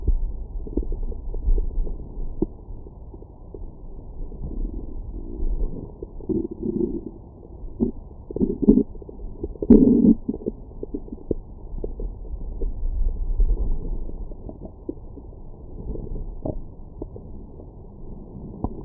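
Low gurgling rumbles that rise and fall over several seconds, typical of ordinary stomach growling after a meal.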